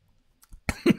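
Two abrupt, harsh adult coughs after a brief quiet lead-in, a reflex coughing fit after a sip of water went down the windpipe.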